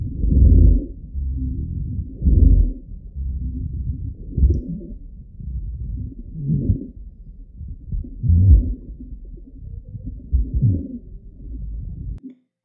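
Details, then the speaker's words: Elderly Parkinson's disease patient with pneumonia who cannot clear sputum: low-pitched, coarse rattling gurgles with every breath from secretions in the larger airways; rhonchi. "지금 듣는 소리는 고령의 파킨슨병 환자의 숨 소리고 폐렴이 있고 가를 잘 뱉지 못해서 숨실 때마다 계속 그르릉 그르릉 하는 소리가 나는 것입니다"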